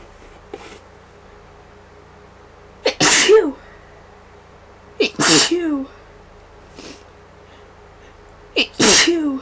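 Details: Person with allergy-like sneezing after a day around many vases of funeral flowers, antihistamine worn off and runny nose: three sharp sneezes in quick succession, each with a brief intake before the burst.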